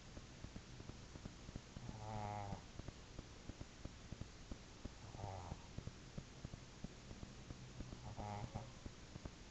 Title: ocsar our dog snoring